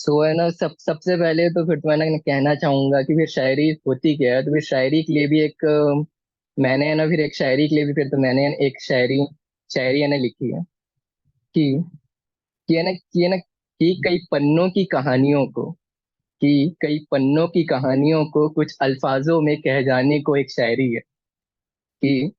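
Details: Male poet at a stammering association's poetry event, reciting his own verse, with the first syllable of a word repeated many times before he gets it out; stammering.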